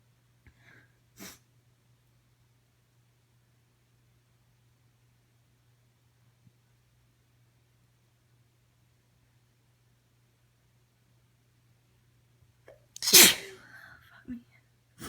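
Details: Woman's morning allergy sneezes recorded right after waking: a faint stifled sneeze, a long quiet gap, then a loud full sneeze with breathy aftermath; sneezing.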